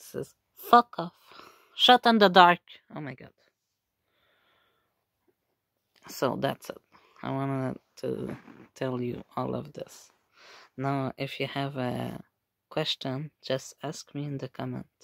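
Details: Speaker with Tourette syndrome plus functional neurological disorder and OCD, with complex and simple tics including coprolalia, echolalia and palilalia, producing involuntary vocal tics including swearing and repeated phrases; vocal tics with coprolalia (Tourette syndrome).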